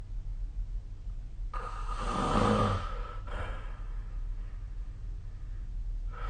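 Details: A single rough, rumbling inhaled breath with a low flutter during sleep, then quiet before the next breath; snoring.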